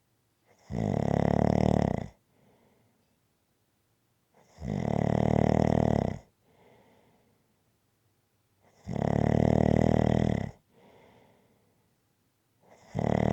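Loud, harsh snores on each breath in, each followed by a soft breath out, about 14 breaths a minute; rhythmic snoring.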